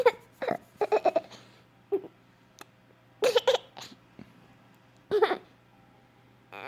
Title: Hiccups are Funny